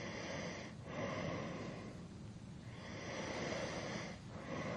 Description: 3 hours of a male snoring to help You sleep better at night.